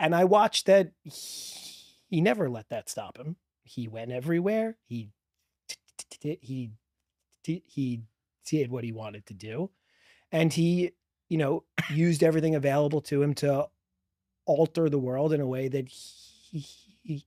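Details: Stuttering in a man, real, who has stuttered since childhood and describes a strong stutter with blocks; spontaneous podcast interview speech.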